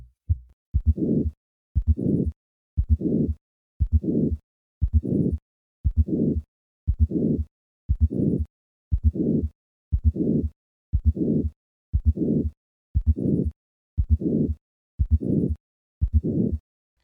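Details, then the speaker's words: Hypertrophic cardiomyopathy at the fourth left intercostal space: normal heart sounds, then an added fourth heart sound, then a systolic murmur radiating widely across the precordium; hypertrophic cardiomyopathy murmur with fourth heart sound. "listen once more to the murmur of hypertrophic cardiomyopathy I will start with normal heart sounds and then add a fourth heart sound and then the murmur"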